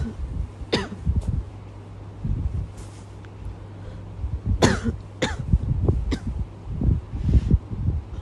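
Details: Woman with a persistent cough at night that won't stop: about five or six sharp, dry coughs in separate bursts over eight seconds, against a steady low room hum: cough.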